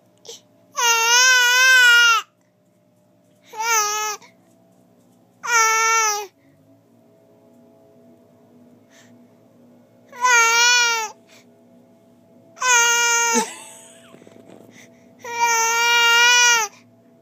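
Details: Hunger cry of a baby girl, who parent says squints trying to produce tears: rhythmic infant cry bursts, six wails with pauses between, typical of a hungry baby.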